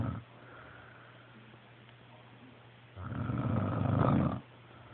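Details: One long, rough, rumbling snore after a quiet pause over a steady low hum; a dog snoring.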